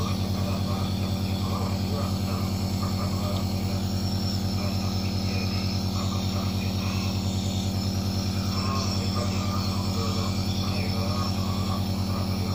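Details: Nebulizer compressor running during a child's treatment for a cough: a steady low mechanical hum with rapid pulsing throughout, and no distinct coughs audible over the motor.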